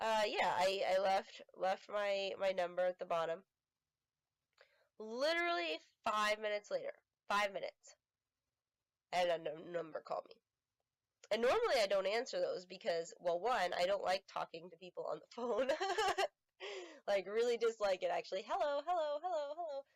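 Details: Vocal tics in an adult woman with self-identified Tourette syndrome, not confirmed by a neurologist; repeated 'hello' tics interrupt her speech.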